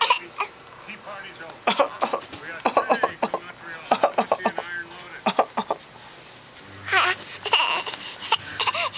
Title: crew coughs.AVI